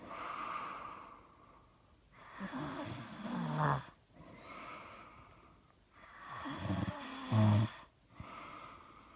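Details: Loud, rattling, engine-like snores on each in-breath, about 16 breaths a minute, with quieter airy out-breaths between; heavy snoring.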